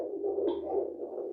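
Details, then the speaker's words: Fetal heartbeat on a handheld home Doppler, with ultrasound gel on the lower belly: fast, rhythmic whooshing pulses at about 151 beats per minute, with fluctuations when the baby moves or kicks. "And there it is. There's my baby's heart rate at 151."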